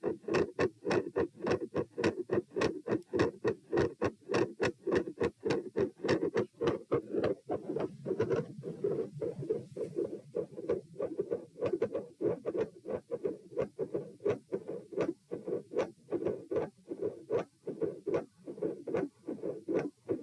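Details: Heart auscultation at position P through lying, sitting, standing, lying (72 bpm supine, 84 sitting, 108 standing, 72 supine): crisp, regular sounds with a mid-systolic click and a split S2, with brief shuffling noise.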